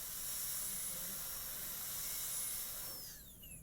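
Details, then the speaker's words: Dental handpiece with burr against the facial, cutting the gingival bevel of a class II preparation on a mannequin tooth, steady high-pitched whining hiss winding down at the end. "I'm going to put the burr against the facial, cut gingerly right there, and then you see just a little tiny tip."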